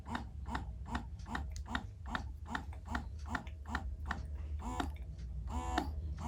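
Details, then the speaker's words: Yoboo electric breast pump running, recorded in the daytime: rhythmic mechanical whirring pulses about 75 a minute over a low motor hum, judged somewhat noisy. "sekarang aku mau kasih dengar kalian suara mesinnya suaranya diambil pada saat siang hari"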